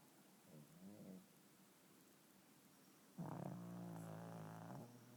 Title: Pugs snoring